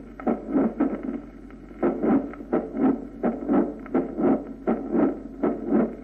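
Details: Mitral valve prolapse late systolic crescendo murmur.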